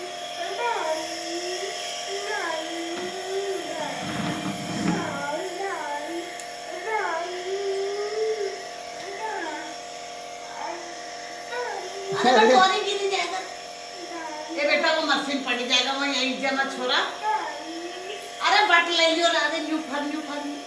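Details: A child's voice over the steady mechanical hum of a running nebulizer compressor during a nebulizer treatment for cough and cold.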